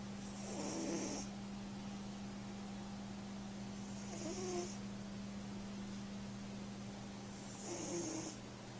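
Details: Cat asleep, snoring almost every time it sleeps: soft, airy snores on three breaths, roughly one every 3.5 seconds, over a steady low hum; snoring.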